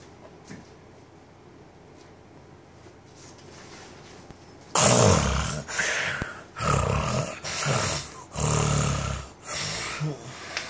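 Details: A guitarist asleep, pranked by friends in Boracay: after a quiet start, loud rattling snores, about five in six seconds, each a harsh rumbling inhalation; heavy snoring.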